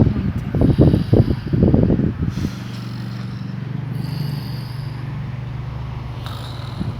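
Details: Snoring: low, rough snorting breaths give way to a steady droning snore held through the breath.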